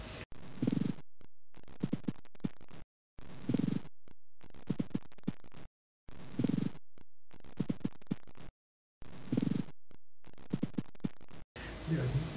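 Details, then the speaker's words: Child with pneumonia consolidation, right infra-axillary area: rough creaking, grating rub like an old door in inspiration and expiration, interrupted because the child holds breath from pleural pain; pleural friction rub. "there is a pleural rub heard that is cracking or grating for example a older door when you open tuck tuck tuck like that so that sound is there"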